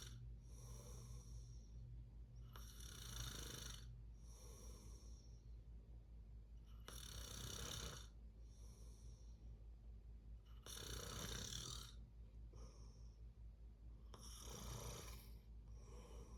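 Rough snoring bursts at irregular intervals over a steady low background hum, about 16 a minute; snoring during sleep.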